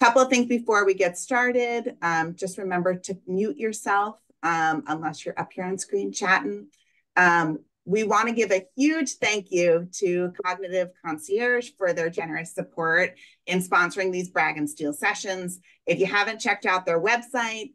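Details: Adult woman speaking; typical speech.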